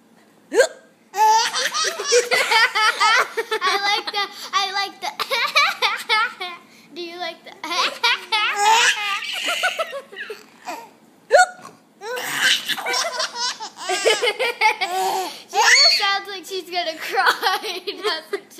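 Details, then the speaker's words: Mother's hiccups with her baby laughing: sharp adult hiccup sounds, each met by the baby's bursts of belly laughter; hiccups. "that was my hiccups do it again did you get that"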